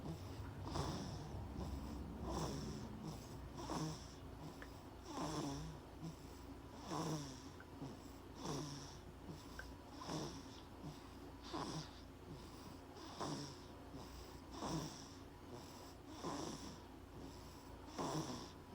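Soft, rhythmic snoring with each breath, about 39 breaths a minute, in a quiet room: infant snoring.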